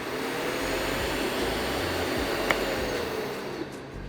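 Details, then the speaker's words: Portable dental unit whose vacuum switches on automatically when the saliva ejector or HVE instrument is lifted from its holder: steady loud rushing whoosh of the dental suction motor running. "integrated into these holders is a switch that automatically turns on the vacuum when the instrument is removed from the holder"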